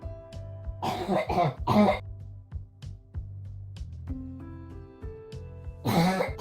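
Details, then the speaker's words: Habit cough syndrome in a child: repetitive barking cough absent once asleep; several loud, harsh barking coughs in clusters over background music. "the repetitive barking cough that is not present once the child is asleep is the diagnostic criteria while cough may interfere with falling asleep the cough gone once asleep is the diagnostic C"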